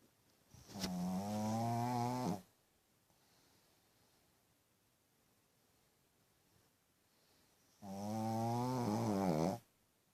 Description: Little puppy snores really loud and this is what I put up with every night